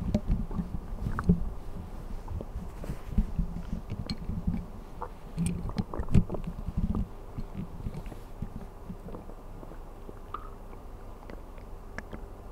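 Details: Stomach sounds recorded while sleeping on an empty stomach (ASMR): low gurgling and rumbling from the belly with scattered small pops; ordinary hunger bowel sounds.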